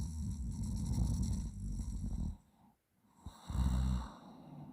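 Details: Person asleep, snoring as on a normal night, while a friend plays around in their throat without waking them: loud, low, rattling snores with brief silent pauses between breaths.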